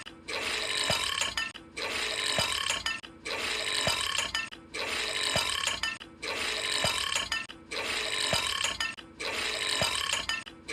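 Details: Cartoon panda sound effect: long loud burps repeating in an identical loop about every one and a half seconds; burping.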